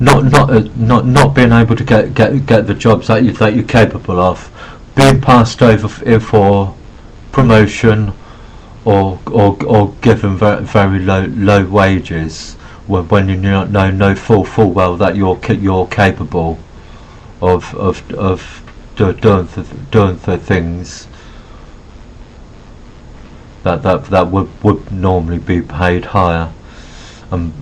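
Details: Adult man with Asperger syndrome who says he has a bit of a stutter; phrase repetition heard; stuttering.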